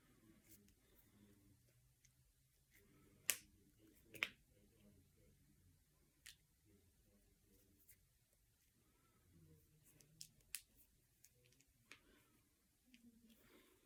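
Scattered sharp, quiet pops in a quiet room, about a dozen, as fingers and knuckles are cracked; harmless joint popping.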